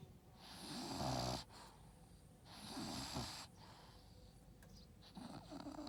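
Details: Dog napping, snoring: slow, rumbling breath noises, about two or three cycles in six seconds, with an airy hiss on each breath.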